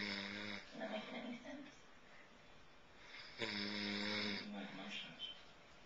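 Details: Person asleep after a long day at a fiesta in Spain, two loud buzzing tonal snores about three and a half seconds apart with quieter breathing between: snoring.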